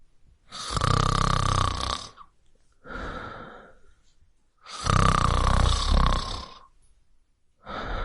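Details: Adult male snoring sound effect: loud, rattling snores on each in-breath with softer out-breaths between, about 15 breaths a minute. Finding: snoring.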